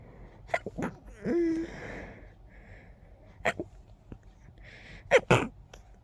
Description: I was very stuffy in this one. Many strong sneezes..